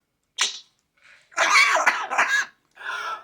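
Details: Short, sharp hissing bursts from a small pet bird: a sneeze followed by brief coughing sounds; sneezing.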